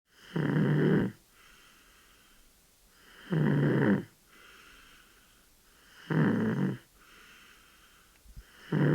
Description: A 13 month old baby sleeping and snoring.